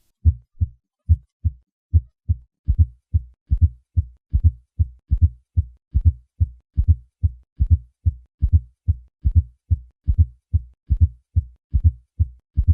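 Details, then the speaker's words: Simulated fourth heart sound added to normal S1 and S2: low-pitched late diastolic sound just before S1, creating a triple rhythm at about 72 a minute; indicates a stiff, non-compliant ventricle; fourth heart sound (S4). "When a fourth heart sound is added to a normal first and second heart sound, a triple rhythm is created."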